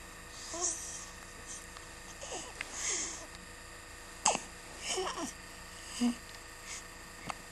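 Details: Small child with hiccups: sharp, brief catches in breathing among soft babbling sounds, with a steady background hum; hiccups.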